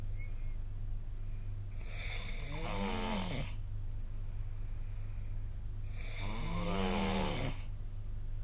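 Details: Snoring during sleep, recorded with the SnoreLab app: two long, harsh, rattling snores about four seconds apart over a steady background hum.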